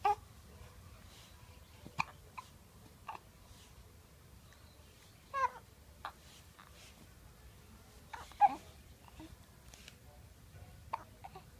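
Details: Several brief, sharp, catching hiccups at irregular intervals in a quiet room, with soft vocal noises between them.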